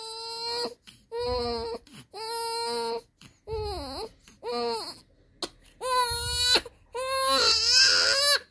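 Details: 19-day-old newborn crying in repeated short, high-pitched wails with quick breaths between, clear and strongly voiced; newborn cry.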